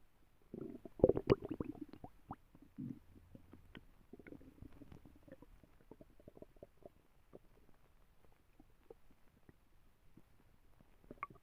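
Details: Sleeping dog with a very loud tummy: loud, low gurgling and bubbling rumbles, strongest early and trailing into softer pops; ordinary borborygmi (stomach rumbling).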